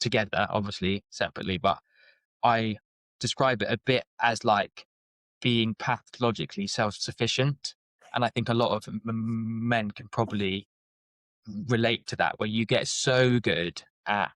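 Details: Adult man with a lifelong speech stammer, which he describes as blocks and repetitions and as not too severe; stuttering.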